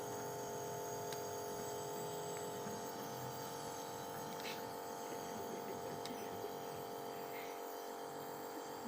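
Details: Nebulizer SOP teaching demonstration: compressor switched on and tested, Ventolin nebulized (Combivent also discussed) via a children's mask covering mouth and nose, chamber kept upright, patient told to breathe deeply; steady mechanical hum of the compressor throughout, faint room sounds.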